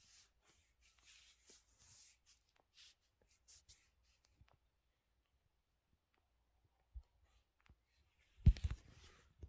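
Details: Knee crepitus: quiet room with faint rustling, a small click, then one sharp, loud pop from the knee.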